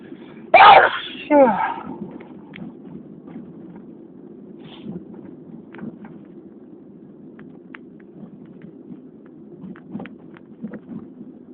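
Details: Two loud sneezes in quick succession outdoors, with wind and quiet outdoor background noise; ordinary sneezing.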